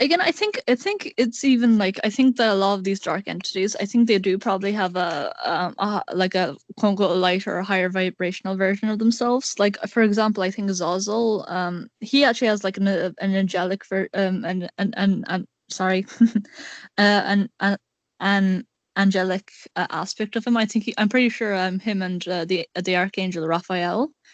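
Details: Male speaker with a self-described awful stutter, repeating words; stuttering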